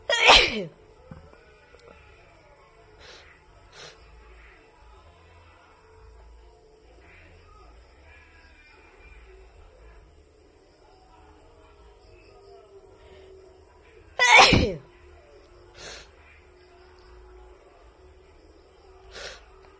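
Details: A woman sneezing: two sharp, explosive sneezes about fourteen seconds apart, with faint background music and room noise.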